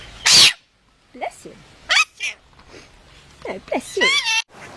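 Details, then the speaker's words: Animal sneeze: a sharp, explosive burst, then short squeaks, snorts and high whines. "Did he sneeze on you? Oh, buddy."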